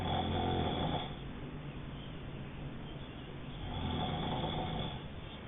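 Low rattling snore on the breath in, easing off and returning, against steady background noise; vibration of the soft tissues of the throat during sleep.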